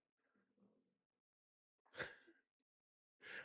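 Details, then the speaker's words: A sleeping pet dog snoring beside the recorder in a quiet room: a soft rumbling breath, then loud snorting, rasping breaths. "I don't know if you can hear this snoring, but one of my dogs is really tearing it up beside me."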